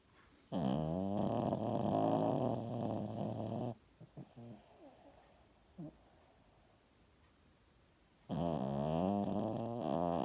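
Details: Dog snoring: long, loud, rattling snores on the breath in, with a quiet breath out between, two cycles heard; heavy snoring.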